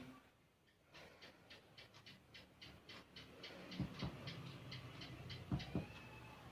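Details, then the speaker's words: Finger percussion below the right costal arch during abdominal examination gives quick, dull, flat notes over the liver, in contrast to tympany elsewhere over the abdomen. "akan terdengar suara pekat ini menandakan ada organ hati atau liver padahal bagian ini"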